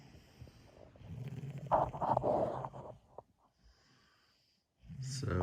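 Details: Sleeping dog snoring: rough, snorting breaths with a rattling, throaty quality, then a quiet pause.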